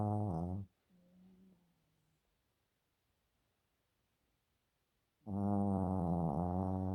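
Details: Yorkshire terrier snoring while asleep: loud, buzzy, droning snores with a long quiet pause between.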